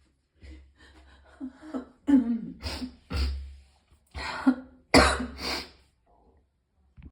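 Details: Adult in extreme pain who vomited several times: repeated rough coughs and throat clearing with retching effort in a small room.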